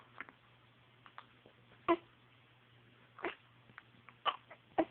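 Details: Baby with hiccups: short, sharp, irregular little bursts in a quiet room, several over a few seconds, fitting hiccups.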